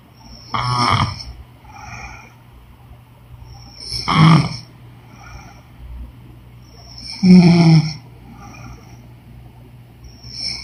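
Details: Woman snoring during sleep: three loud, rough snoring breaths about every three seconds, roughly 18 a minute, over a steady background hum.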